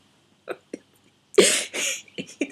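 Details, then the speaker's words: Adult in week 5, day 6 of whooping cough with swollen vocal cords: two small throat catches, then a harsh snorting, grating involuntary throat-clearing spasm with brief spasmodic catches, likened to a dog's noises. "but I made really weird sound where I'm trying to clear my Airways and it sounds like my friend's dog Winston who's a King Charles cavali cross um with his nasal just getting"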